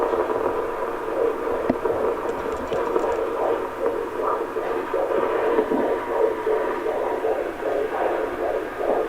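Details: Fetal heartbeat on Doppler at a prenatal appointment, fast regular whooshing pulses about 150 beats a minute; mother's heartbeat also heard: fetal heartbeat (Doppler).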